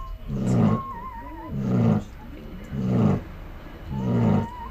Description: A well earned snore after being up all night giving birth